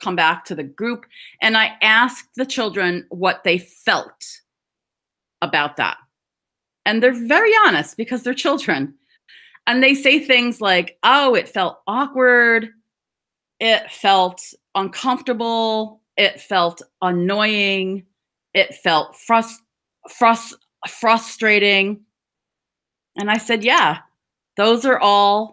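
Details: Adult woman who describes herself as a person who stutters/stammers and serves on the National Stuttering Association board, giving a stuttering awareness talk; stuttering.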